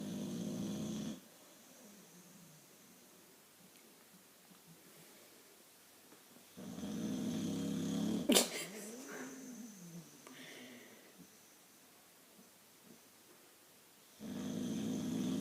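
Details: Boxer dog snoring loudly: loud, rough, low snores on each inward breath, with a sharp snort in the middle and quiet pauses between; heavy snoring.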